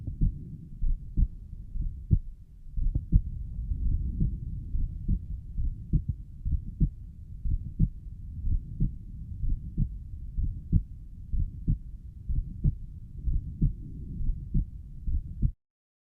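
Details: Self-recorded regular heartbeat near 62 a minute with a soft whooshing sound between beats at the pulmonic valve; the person suspects a mid-systolic murmur.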